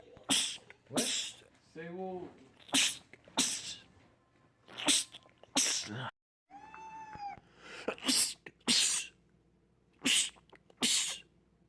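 Rapid run of about ten sharp sneezes, some with brief voiced gasps between them, typical of a sneezing attack.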